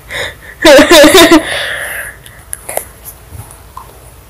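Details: Father sneezing loudly while someone sleeps: a single loud, drawn-out explosive "achoo" followed by a fading exhale in a quiet room.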